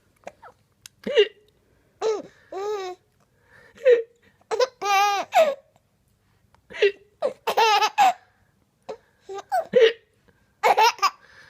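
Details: Baby belly laughs and giggles at daddy's hiccups, broken by brief sharp catches that fit an adult's hiccups; hiccups.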